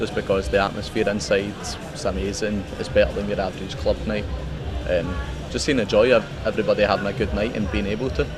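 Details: Adult male speaker; normal speech.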